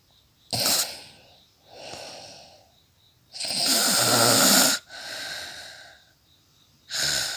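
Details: Real recording of an adult woman snoring during sleep: harsh snorting nasal inhalations, each followed by a softer airy exhale, about 18 breaths a minute.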